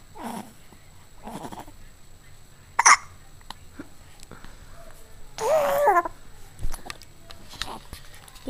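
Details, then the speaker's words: A one-month-old baby boy, awake, has hiccups: several brief abrupt catches with small vocal sounds between them. "You got the hiccups."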